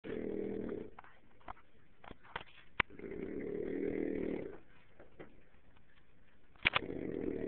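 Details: Snoring during sleep: low buzzing snores on each breath, about eight breaths a minute, with faint clicks between.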